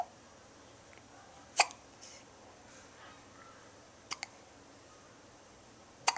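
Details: Two-week-old newborn with soft, brief, sharp hiccups spaced a couple of seconds apart over quiet room noise: normal newborn hiccups.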